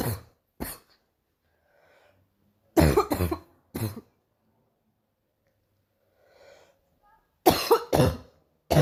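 Several harsh, explosive coughs in short bursts separated by quiet pauses, with faint breathing between; a morning cough.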